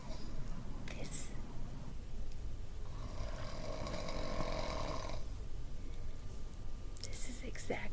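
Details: An adult man snores at night while his wife is awake late. Loud, rattling snores come with each breath in, separated by quieter breathing out, over faint room hiss: heavy snoring.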